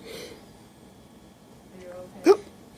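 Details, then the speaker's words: Hiccups: a quiet room, then one abrupt, sharp, squeaky catch of breath, described as sounding like a squeaky toy. "You got lots of hiccups, huh? You ready? You got the hiccups?"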